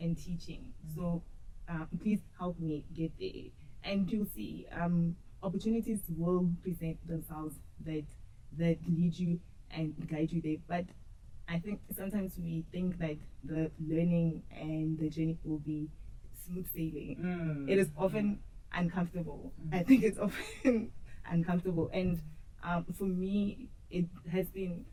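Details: Adult woman who stutters, audibly in her speech, and who says she used to struggle a lot with stuttering. Finding: stuttering.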